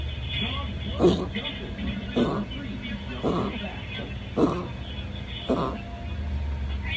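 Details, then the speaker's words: Shih Tzu dog with cough of 2–3 days, owner calls it cough, on medication; five rhythmic honking, snorting bursts about a second apart, typical of reverse sneezing. "ganun yung ubo niya. That's the sample ng ubo niya."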